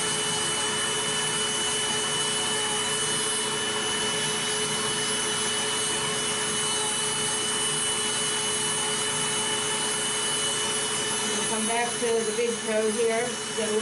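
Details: Steady whining drone of a high-speed podiatric nail drill grinding a toenail during routine preventive foot care (nails not thick), with faint music in the background.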